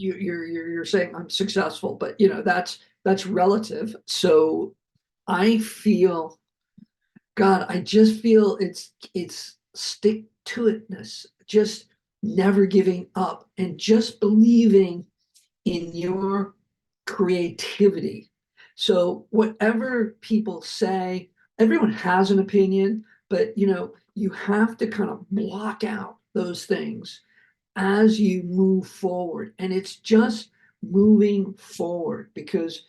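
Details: Adult man who survived a heart attack and has aphasia, speaking right after noting that his aphasia was kicking in; aphasia.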